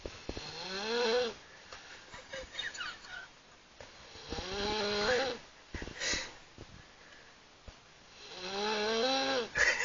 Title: Snoring Beauty!